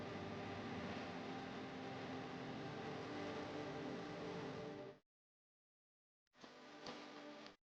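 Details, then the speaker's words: Steady mechanical hum with fast regular pulsing, a pause, then a brief restart: a Medela Pump In Style Advanced breast pump motor running, its diaphragm moving back and forth to create suction. "The device creates suction pressure by making translation motion of the diaphragm."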